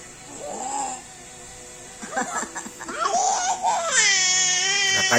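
Fussy whimpers build into a sustained high-pitched wail, an ordinary infant cry.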